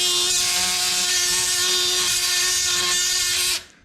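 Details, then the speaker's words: Oscillating surgical saw with a roughly 10 mm blade cutting a bone block during graft harvest (STG, BPTB and QTB grafts demonstrated): steady high-pitched motor whine with rasping buzz for about 3.5 seconds. "ved jeg godt, den er lidt for bred det her sagkling, men n man køre med 10 mm sagblade."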